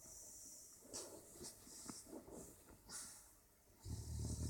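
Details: Sleeping French bulldog: low, irregular snorting breaths with hissy noise behind them; snoring.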